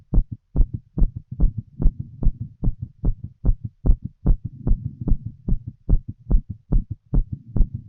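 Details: Adult female smoking a cigarette, full heart auscultation through a stethoscope: clear, regular paired lub-dub heart sounds at about 73 beats a minute with a soft low rumble between beats; rapid heartbeat.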